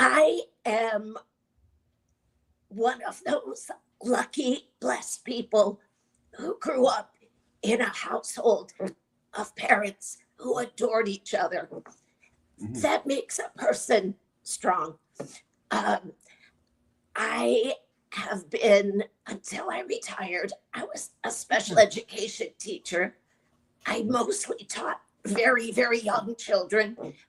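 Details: Adult woman with a chronic voice disorder, treated with Botox injections into the vocal cords every three months; dysphonia.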